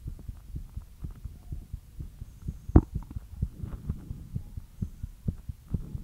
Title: ASMR FAST HEARTBEAT LIGHT EXERCISE